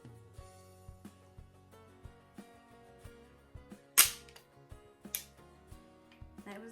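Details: A single sharp snap over soft background music as a Dexcom G6 spring-loaded applicator fires to insert a continuous glucose sensor, worn by a type 1 diabetic.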